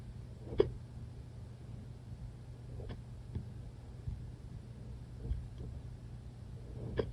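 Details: Short, sharp hiccups a few seconds apart over a low background hum and other background noise: hiccups.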